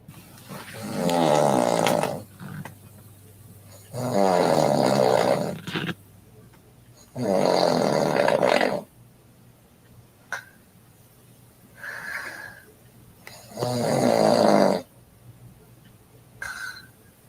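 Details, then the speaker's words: Adult wife snoring during sleep, recorded by her husband: loud, harsh, rattling snores recurring every three to four seconds, with softer snorts between. "let's listen to this one where he says wife snoring now you didn't record her face but let's hear his wife's"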